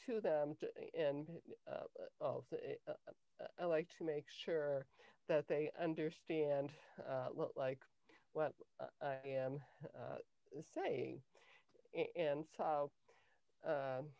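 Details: Adult woman with cluttering since early childhood, diagnosed at age 10 with a language-area speech problem that a speech therapist later identified as cluttering; she has difficulty organizing her thoughts while speaking; cluttering.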